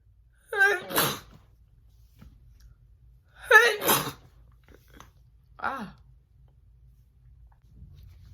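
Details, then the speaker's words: Woman sneezing on request for a personalized "messy sneezing" video: two full sneezes, each a rising voiced wind-up then an explosive burst, followed by a softer third attempt in a quiet room. "um today it's a personalized video and they requested messy sneezing that's what i believe it was um so that's what we're gonna be doing today"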